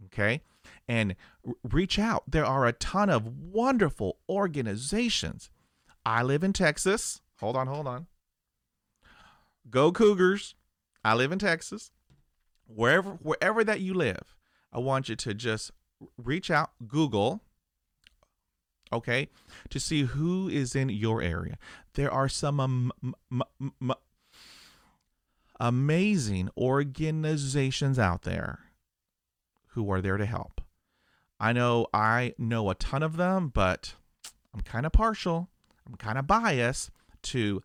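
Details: Adult male, aged 50, stuttering for 45 years, with 20 years of speech therapy; he describes blocks with eyes closing and arm movements while pushing through them. Finding: stuttering.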